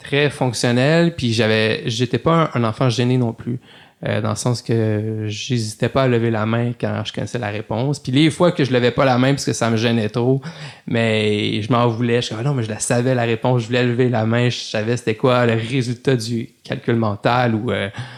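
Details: Adult male lawyer who stutters since childhood, speaking French in a podcast interview; stuttering.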